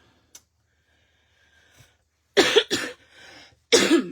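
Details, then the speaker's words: Three loud, harsh coughs from an adult woman, first two close together, with a rasping breath between; she suspects allergies possibly turning into a head cold, cough worsening. "oh my gosh, I am so sorry, guys. This cough is convenient to me. I feel like I was getting allergies. Now I'm thinking it might be turning into a head cold."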